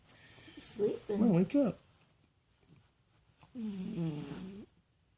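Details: Sleeping French bulldog snoring: rough, fluttering snores, two breaths a few seconds apart in a quiet room.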